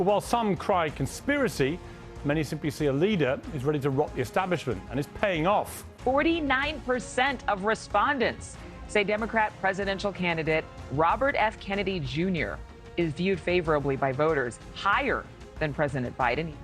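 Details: Adult narrator voice-over with background music; normal speech.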